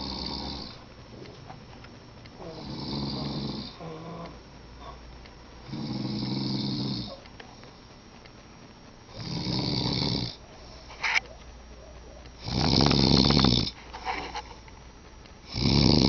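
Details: Snoring at midnight: loud, rough snoring bursts repeating every few seconds, alternating with quieter breaths against steady room noise.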